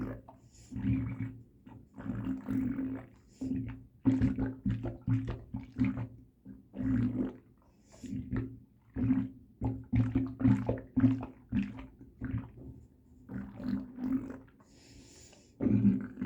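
Repeated low gurgling and sloshing bursts, almost continuous; loud stomach rumbling and sloshing, a normal bowel sound.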